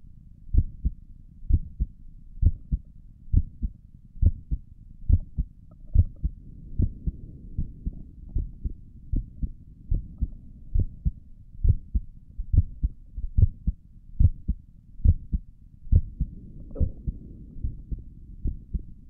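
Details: ASMR recording of the creator's own heartbeat through a stethoscope on the chest; steady lub-dub at about 70 beats a minute with faint chest rustle; stomach gurgles occur during the recording; normal heart sounds.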